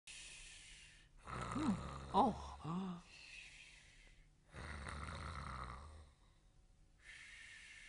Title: Croaker Sleeping Snore